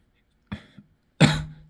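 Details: Adult with lung cough, attributed by the person to inhaling a methane-like gas: a small throat-clearing cough, then one louder, deeper cough that trails off.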